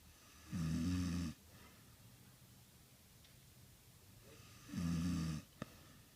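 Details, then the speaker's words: Sleeping adult woman snoring: two deep, buzzing snores with a quiet pause between them. "What? Why are you snoring? I'm not. Who is snoring?"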